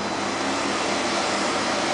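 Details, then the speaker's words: Loud steady vacuum roar of a smoke evacuator running during CO2 laser skin resurfacing, done under local nerve blocks rather than general anaesthesia. "I'll just do the next for you now when I'm doing an act I'm going to be turning on the vacuum but it's probably going to make a noise in the background"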